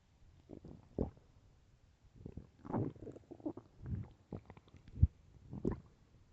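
Quiet low gurgles and squelching rumbles in short bursts; hunger stomach growling, a normal bowel sound.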